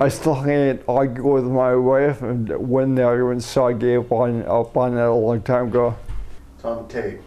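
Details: Adult man with a neurodegenerative disorder first diagnosed as cerebellar ataxia, later rediagnosed as multiple system atrophy; after umbilical cord blood stem cell treatment in China; excessive saliva; seeing a speech pathologist; ataxic dysarthria.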